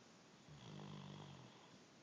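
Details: Great Dane snoring while napping: a single low, rattling snore of about one second against quiet room noise.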